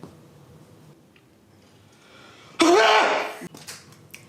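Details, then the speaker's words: Acted sneeze in a comedy sketch: a single loud, explosive sneeze after quiet room noise, followed by a few faint sounds. "hey police there is some [ __ ] up in here sneezing and it won't stop stop it"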